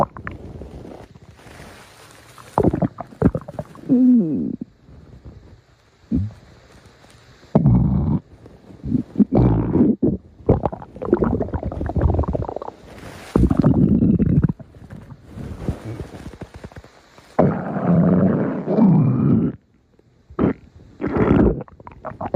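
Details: Close-up recording of loud, low gurgling and rumbling bursts from the belly; stomach growling (borborygmi).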